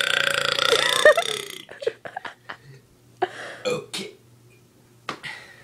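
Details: Long, loud, drawn-out belch followed by several shorter burps and breathy sounds; brother finishing a happy birthday burp song.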